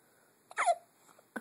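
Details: A newborn's hiccups: a single short, sharp hiccup with a brief squeaky catch of the voice in a quiet room.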